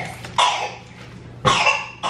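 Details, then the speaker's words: Two short, sharp coughs from a young child in the morning, with the start of a third at the end: cough. "You hear that cough? Ooh."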